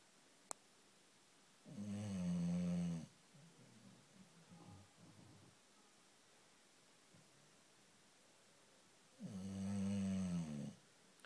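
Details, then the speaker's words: 2-year-old bulldog (flat-faced) snoring during a nap: two loud, deep, vibrating snores about seven seconds apart with softer snuffling breaths between. "I've been snoring. Just woke up. Go back to sleep then."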